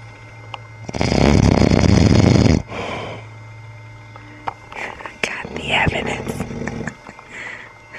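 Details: Adult man snoring while asleep: one loud, rough, rattling breath with a deep fluttering rumble, then a softer breath and faint mumbling or room sounds.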